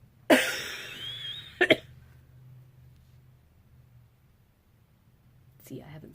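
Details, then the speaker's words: An adult, raspy-voiced after a sick weekend, coughs once harshly with a trailing rasp, then twice quickly, over quiet room sound; a cough. "all day long hmm and I'm speaking so now I'm coughing"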